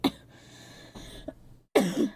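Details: Girl coughing during a live game stream, with talk nearby mentioning colds: a short cough, a pause with faint breathing, then a louder harsh cough, over faint room noise.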